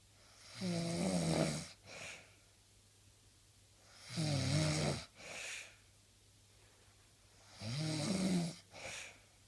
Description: Snoring/ sweet revenge/ phahaha!